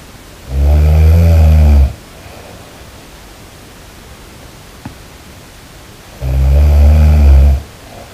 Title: snoring 8K